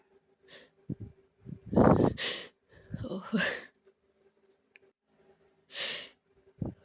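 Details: Many breathy sneezes with catching, breathy inhale build-ups and pauses between them, which the sneezer attributes to allergies; sneezing with build-ups.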